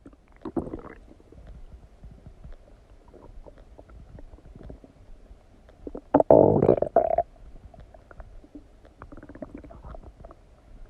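Soft crackling gurgles with a louder watery rumble midway; normal digestive stomach noises after eating.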